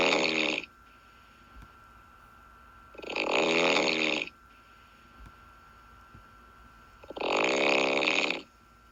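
Loud, rough, vibrating snores on each breath, about 16 a minute, with quiet pauses between; a faint steady hum in the background. Snoring.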